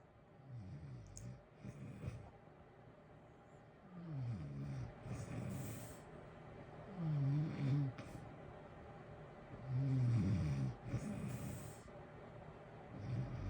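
Low, rumbling snores recur every few seconds over a steady hiss of heater noise; ordinary sleep snoring.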